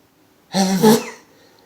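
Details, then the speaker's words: Single loud, voiced, explosive sneeze from an adult man during a morning sneezing bout just after waking from eight hours' sleep, then quiet. "I'm all sneezy oh I'm all sneezy there's weird I've slept on it for eight hours"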